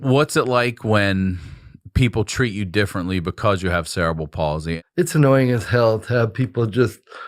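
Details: Adult male speaker; typical speech.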